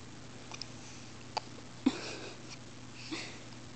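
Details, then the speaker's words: Newborn baby boy's hiccups, which he often gets after eating, while sleepy in a quiet room: a few soft, abrupt little catches, one more distinct. "Got the hiccups, buddy. Oh, big one."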